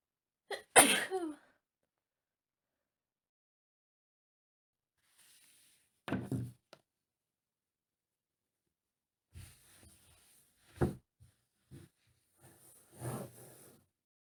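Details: Female sneezing from dust while cleaning a messy room: one sharp sneeze, then thuds and handling noises with a few smaller breathy bursts in a quiet room; sneezing.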